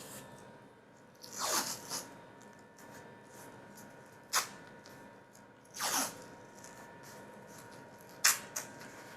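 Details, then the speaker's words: Athletic tape anchors applied to close the ends of elastic tape in a knee taping for a medial collateral ligament (MCL) sprain on an athlete: several short ripping and tearing sounds. "Encore une fois, on va utiliser notre tape athlétique pour venir fermer la fin du tape élastique."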